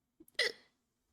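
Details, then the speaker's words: Single hiccup in a hiccup bout said to have lasted about 10 minutes: a small intake, then one abrupt, voiced gulping catch that quickly fades. "You're Or you got hiccups at the start of the episode. Actually, no, I didn't. I actually got it during the halfway of the other episode."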